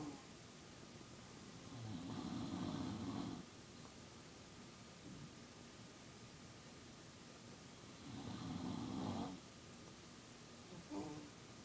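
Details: Snoring during sleep at 2AM: two slow, rattling snores on the in-breath about six seconds apart, roughly ten breaths a minute, over steady room hiss; ordinary snoring.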